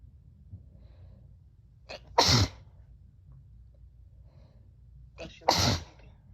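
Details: Two sneezes about three seconds apart, each a quick inward catch then a sharp explosive burst, in a quiet room; repeated sneezing during illness.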